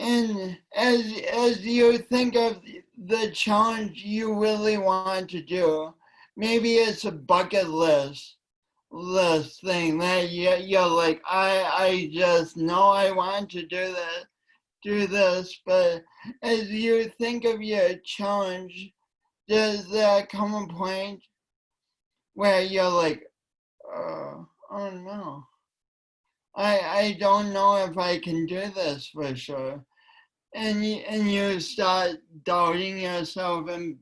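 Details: Woman with a long-standing speech impediment affecting her voice and coordination, which she tried to deny for years; speech impediment.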